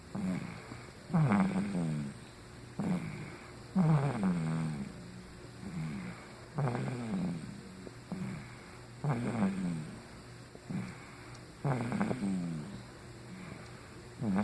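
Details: Female who fell asleep after a long day of flying and a bottle; regular rattling snores, about 23 a minute, over a steady background hum: snoring.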